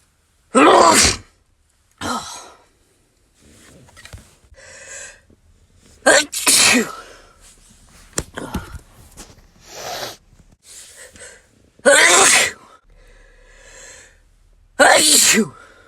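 Five loud, sharp explosive sneezes, separated by quieter breaths and short noises in a small room.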